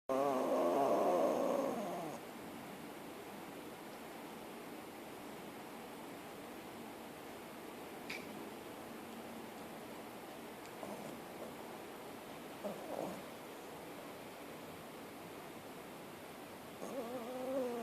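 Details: Sleeping puppy lounging on a sofa in the afternoon: two soft, slightly whistling snoring breaths with quiet between them, ordinary sleep snoring.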